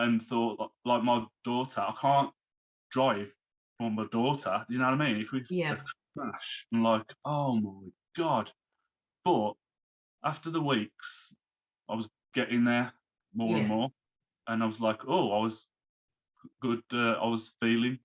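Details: Man, now 34, who had a stroke at 33 about three months earlier, losing speech, reading and writing; recovering, with speech worse when tired; aphasia after stroke.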